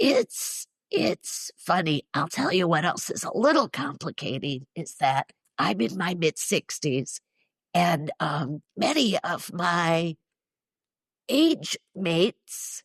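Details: Woman in her mid-60s with neurological spasmodic dysphonia involving the basal ganglia, plus essential tremor; treated with Botox injections to the vocal cords; condition especially affects vowels and weakens voice; spasmodic dysphonia.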